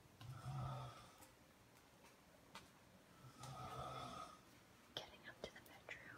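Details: Man's snoring recorded by his wife, heard from downstairs in the living room while she walks up to the bedroom: distant, rough, low snores with each inspiration through the whole house, with footsteps and household noise.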